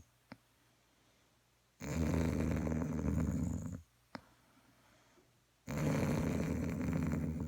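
Two long, loud, rattling snores about four seconds apart, each followed by a short click, in a quiet room. Ordinary snoring.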